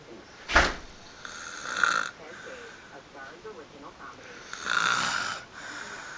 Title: Snoring